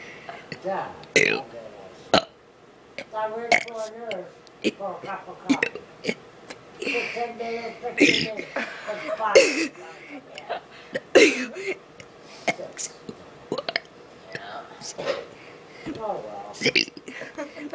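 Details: Male's first attempt at burping the alphabet: repeated deliberate belches shaped into spoken letters; voluntary burping while reciting the ABCs.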